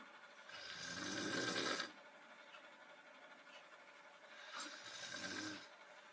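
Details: Snoring for a just-for-fun lip-sync clip: two slow, rough, rattling breaths about four seconds apart.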